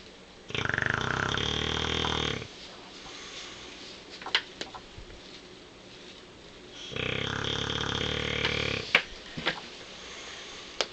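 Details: Tank, a sleeping bulldog: two long, loud, rattling snores about four seconds apart, with quiet breathing and small snorts between them; snoring.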